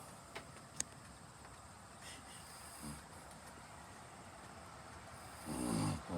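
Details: Faint room noise, then one brief rough snore near the end from a sleeping cousin; snoring.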